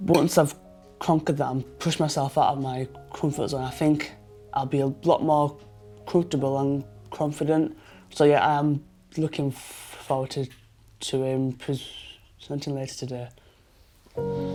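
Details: 23-year-old man who has stammered since he learned to talk, with blocks especially on lip-closed p, b and t sounds; stuttering (stammer).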